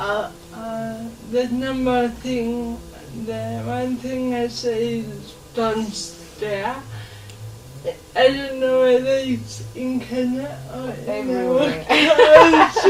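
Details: 26-year-old woman with lifelong cerebral palsy; she reports her speech makes her hard to understand, though she remains verbal; dysarthria (cerebral palsy).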